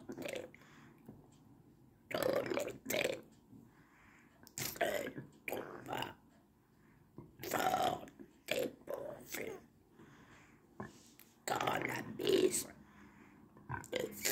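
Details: Man demonstrating his esophageal voice after starting speech therapy in April 2019; esophageal speech.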